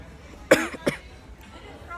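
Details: Two short, harsh cough bursts about a third of a second apart, with faint room chatter behind, from a masked person who has been sick for about two weeks, at a doctor's appointment.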